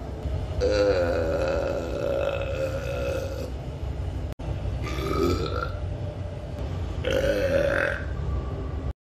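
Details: Adult wearing a mask on a commuter train gives three long, loud, voiced belches over steady train rumble.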